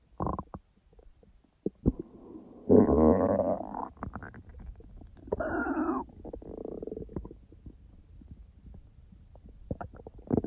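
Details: Real stomach rumbling from the speaker's own abdomen, not recorded in real time because the stomach was barely active: gurgling rumbles, squeaky drawn-out groans and scattered bubbly clicks, normal active bowel sounds (borborygmi).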